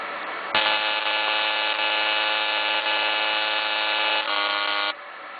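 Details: Fractional CO2 skin-resurfacing laser, demonstration with pattern changed and size set to three: steady high buzzing tone about four seconds with slight breaks, then stopping as the laser fires its scan pattern.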